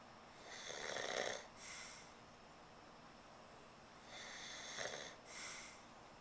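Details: Two loud, rattly snores on inhalation, each followed by a softer exhale, about 10 breaths a minute, from an adult man asleep without his CPAP mask who denies snoring; snoring.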